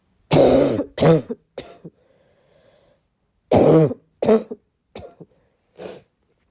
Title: more barking cough